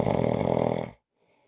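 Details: Snoring: one rough, rattling snore lasting about a second, then quiet.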